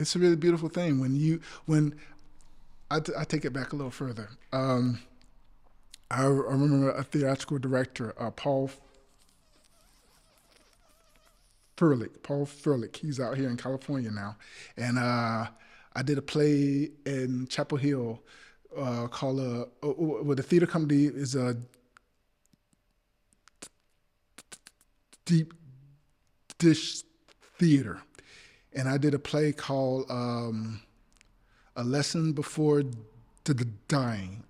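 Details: Adult male actor with stuttering since childhood that persists; stutters in this passage while trying to recall names; stuttering.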